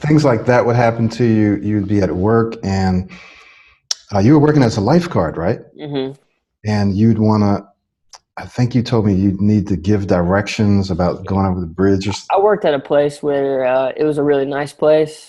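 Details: Adult male speaker, conversational interview; fluent speech.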